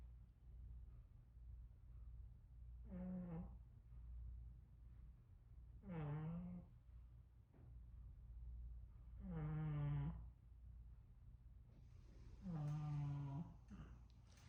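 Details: 15-year-old Shih Tzu dog: four loud voiced snores about three seconds apart, around 18 a minute, each rough and drawn-out, over low room hum; snoring.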